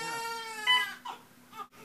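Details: Newborn boy on his first day of life, delivered by C-section just after midnight, cries loudly in high-pitched bursts with short breaths, during cord care and cleaning, with quiet adult talk nearby; ordinary healthy newborn cry.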